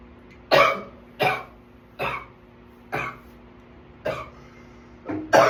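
Six harsh, evenly spaced coughs in quick succession over about five seconds, with a steady hum behind; a runaway coughing attack.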